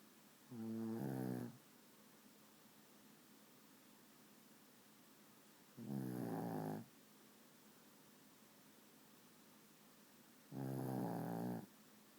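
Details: Snoring in a 12 lb dog: loud, rattling snores about one second long, repeating roughly every five seconds, about 12 a minute, in a quiet room.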